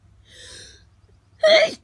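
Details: Adult with pollen hay fever in the morning after sleeping with the window open: a soft breathy in-breath, then one sharp voiced burst; a single allergy sneeze.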